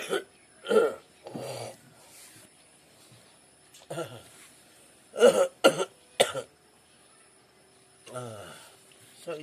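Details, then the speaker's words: Cough: a man with an acute febrile illness of 7 to 8 days, possibly COVID-19 or dengue (uncertain), with body aches and breathing trouble, gives a few short harsh coughs and throat-clearing sounds. "you have like fever something like Mallory as well sometimes hot hot body yeah so it's fever and then cough the body aches you know joins and the back the shoulders you know all pain"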